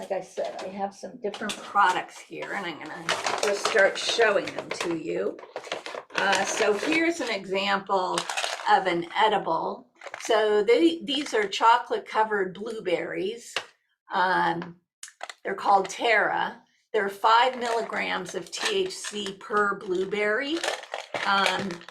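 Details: Adult woman, a nurse practitioner, with essential tremor, a progressive hereditary neurological movement disorder also shaking her hands and body; she says her voice shakes and grows gravelly as it affects the larynx; essential voice tremor.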